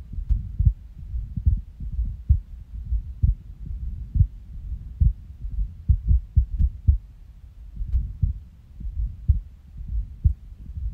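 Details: Resting heartbeat recorded after waking from a nap, when the heart started skipping; stomach growls are also in the recording. Irregular heartbeat with skipped beats.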